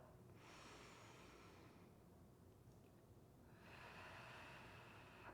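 Two long airy breath sounds, a deep in-breath and then a steady blown-out breath, as in a forced exhalation exercise.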